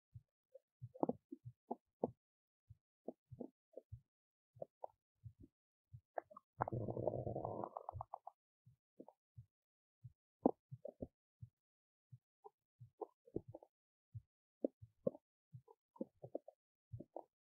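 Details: Adult woman's belly while digesting oats: scattered gurgles, pops and one longer rumbling gurgle in a quiet room. Ordinary digestion sounds.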